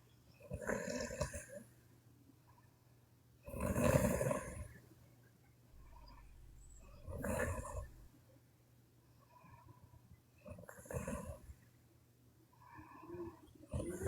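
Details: A sleeping Chinese woman snoring: loud rasping snores roughly every three to four seconds, about 17 breaths a minute, with a low hum behind them.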